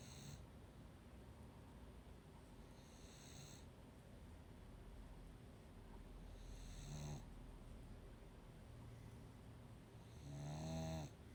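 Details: Quiet snoring: soft, low snorts recurring irregularly over steady room hiss, about 16 a minute.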